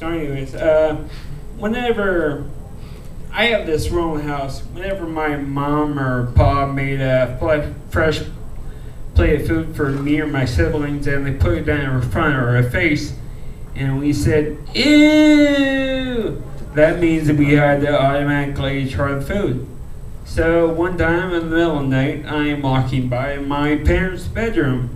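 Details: Speech of a man who reports a rare disease he calls cerebral ataxia; ataxic dysarthria.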